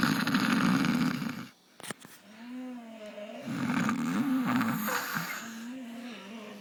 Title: Snore Fest